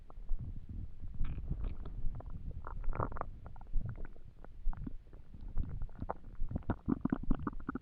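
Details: Stomach noises while trying to sleep on an empty stomach: low gurgling and bubbling rumbles; ordinary hunger-related borborygmi.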